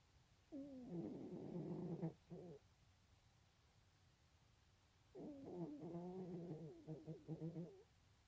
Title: Not your average cute kitty snores